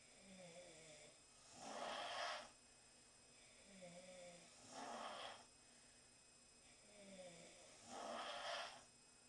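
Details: Four young women sleeping in the same room after a long night: quiet, rhythmic snores, a soft buzzing inhale then a breathy exhale, about 20 breaths a minute; snoring.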